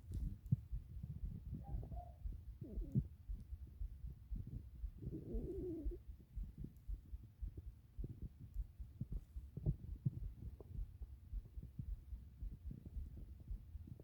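Low rumbling and gurgling bowel sounds with a few bubbly squeaks; ordinary stomach growling from gas and fluid moving through the gut.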